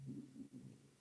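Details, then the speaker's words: Stomach growling (borborygmi) from an adult during a podcast conversation, acknowledged by the speaker: "you can hear my stomach growling, sorry." "you you can hear my stomach growling sorry that's right"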